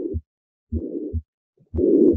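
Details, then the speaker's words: Harvey cardiology simulator: harsh holosystolic murmur that grows louder on inspiration and softer on expiration, inspiratory augmentation indicating right-sided origin; tricuspid regurgitation. "it gets louder out it gets softer in louder so inspiratory augmentation this is tricuspid regurgitation that inspiratory change a sign that this is right-sided in origin"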